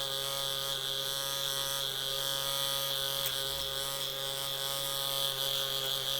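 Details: Steady high-pitched buzz with fine rapid rattle: a microneedling pen working on the skin.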